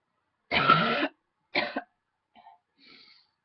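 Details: Two loud harsh coughs followed by two faint throat-clearing sounds in a quiet room, set off by a big tickle in the throat; coughing.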